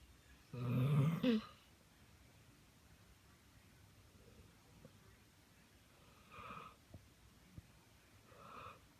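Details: One loud, rasping snore, then softer snoring breaths every couple of seconds in a quiet room; ordinary snoring.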